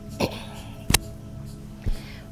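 Three short, separate cough or throat-clearing bursts over faint background music.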